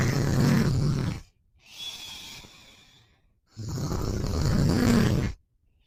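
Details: Boyfriend snoring while asleep, sleepy after a long day: two long, loud, rough snores about two seconds apart, with a softer breath between.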